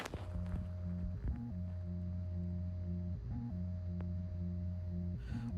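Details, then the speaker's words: Heartbeat of an artificial heart surgically placed in a man's chest: steady mechanical humming with a regular pitch shift and click about every two seconds. "This person needed surgery to have an artificial heart placed in his chest. This is what the heartbeat of an artificial heart sounds like."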